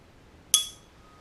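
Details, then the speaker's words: Weber hearing test during a head-to-toe assessment of an adult male: a tuning fork is struck once and set on top of his head, giving a fading, steady ringing tone; he hears it equally in both ears, with no lateralization. "so now we going to test his hearing with the Weaver and Renee test using um my tuning fork so I'm going to set this on top of your head and tell me if you can hear the sound equally in both"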